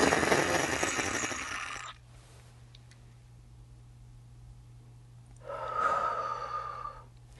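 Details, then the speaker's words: Handihaler dry powder inhaler use by an adult female patient (COPD education): a strong rush of air on deep sharp inhalation, a breath-hold pause with faint room hum, then a second airy breath. "So you're going to exhale away, you're going to take a big, deep, sharp breath; hold it for 10 seconds, and then exhale."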